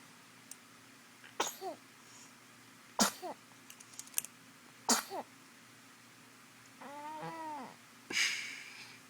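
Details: Infant girl sneezing and smiling; several small, sharp bursts of air with brief squeaky sounds after them, then a short whine; repeated sneezes.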